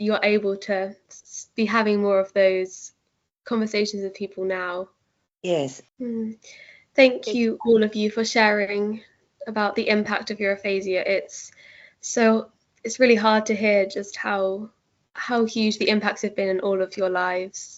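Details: Adult woman speaking; typical speech.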